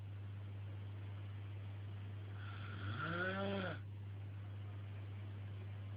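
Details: A single rough, buzzing snore on an in-breath over a steady low background hum: ordinary snoring.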